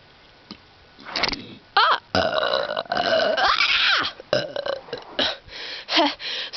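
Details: Person outdoors, sitting on a large rock near a bluff edge, producing a run of loud, drawn-out voiced belches with short pauses; burping.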